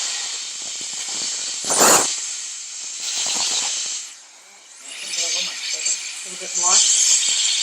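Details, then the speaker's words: High-speed dental handpiece making a small lingual access toward the pulp chamber of a mannequin tooth in a root canal demo, loud high-pitched hissing whine in bursts with faint background talk. "we're just going to be making a small access to the lingual so we're not doing restorative we're going to go straight into the almost the middle of the Finish By the singular that's where the pulp trainer will be"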